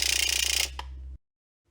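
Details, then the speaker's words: Derminator 2 microneedling pen, used at home for facial acne scars, at its fastest of three speeds with a needle depth set: a rapid buzzing rattle lasting under a second, then a click and fade. "Medium, and fast. And fast is obviously quite fast."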